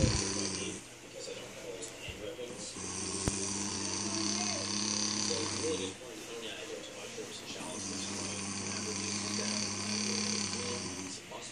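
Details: Woman asleep, snoring: long, steady, buzzing snores with a low rumbling tone, two clear breath-in snores separated by brief pauses; ordinary snoring.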